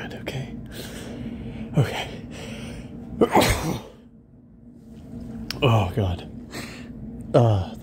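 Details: Adult man with a sniffly, tickly nose after going out in rain, deliberately coaxing sneezes: several sneezes, each a gasping intake then a forceful burst, with quiet pauses between.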